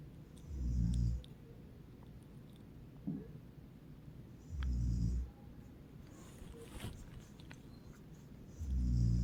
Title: My Mom is a Snoring Pro 😎😎😎